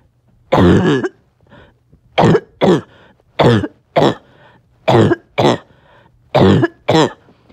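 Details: Barking cough occurring on and off all day.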